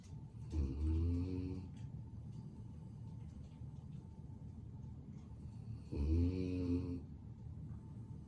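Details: Lucy, a sleeping pet dog: two long, rattly snoring breaths about five seconds apart over a steady low room hum; dog snoring.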